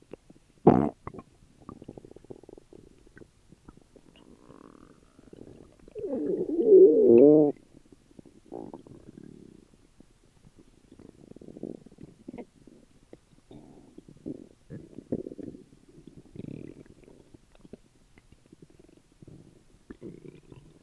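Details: Ordinary active bowel sounds (borborygmi) after dinner, recorded over six years ago: frequent gurgling abdominal noises with a louder, longer rumble.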